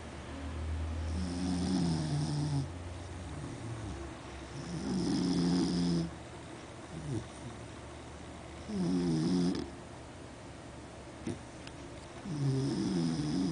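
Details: Sleeping Beagle snoring heavily: loud, rough, rattling snores on each in-breath, about four in 13 seconds, with quieter out-breaths between; she sometimes snores loud enough to wake herself.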